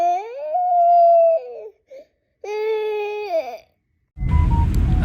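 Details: Two long, loud wailing cries from a sick toddler with pauses between, then a burst of rustling; the toddler has viral fever up to 104° and was woken around 2–3 a.m. to be given medicine. Toddler crying.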